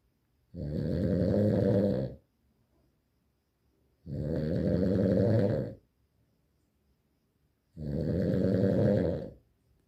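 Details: Snoring: three loud, rough, rattling snores, each about 1.5 seconds long, separated by quiet gaps, about 17 a minute.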